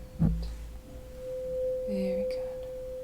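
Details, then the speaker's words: A simulated naturopathic HEENT exam roleplay (ASMR): a tap, then a steady pure ringing tone as a tuning fork is struck for the Rinne hearing test on the second side, placed on the mastoid process. "Going to do the same test Striking it first, keep your eyes closed Do you hear it?"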